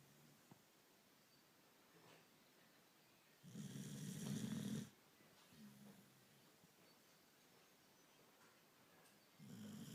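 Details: Dog sleeping on his back, snoring: intermittent rattling snores on inhalation, separated by several seconds of quiet breathing, in a quiet room.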